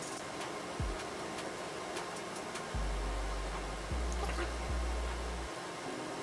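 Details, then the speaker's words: Low motor hum starting and stopping in bursts as a HYLOGY MD-H12 digital upper-arm blood pressure monitor cuff inflates after pressing start; reading 99/71, pulse 63 per minute; blood pressure monitor cuff inflation. "So I have this blood pressure monitor onto my upper arm, and all that's left to do now is click on the start button."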